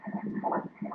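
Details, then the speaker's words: Obstetric ultrasound Doppler at 15 weeks of pregnancy: rapid rhythmic whooshing fetal heartbeat, 155 beats per minute, normal. Fetal heartbeat (Doppler). "Let's hear the baby's heart beating here."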